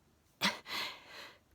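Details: Bedtime sneezing bout, with jaw spasms noted, part of chronic daily sneezing, sneezing very hard. A single explosive sneeze: sharp intake and burst, then a breathy exhale trailing off.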